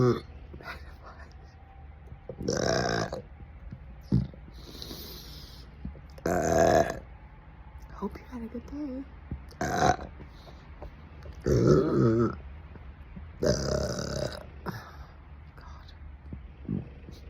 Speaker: Don't eat too fast, because then you swallow a lot of air. This is what happens when you're already a gassy person, and then you eat fast.